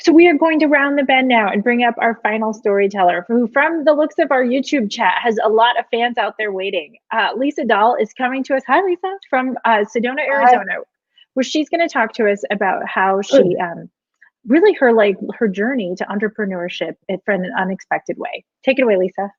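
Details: Adult woman speaking; normal voice.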